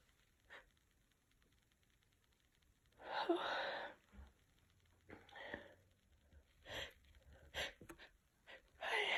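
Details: Sick adult with a cold, tickly nose and mild congestion: sniffs and catchy breaths building, then several big wet sneezes after trying chhinkni.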